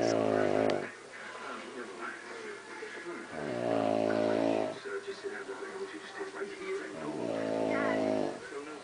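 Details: An adult woman (mother) snoring very loudly at 1 a.m.: three loud, rattling snores on each in-breath, about 3.5 seconds apart, with quieter breathing between; heavy adult snoring.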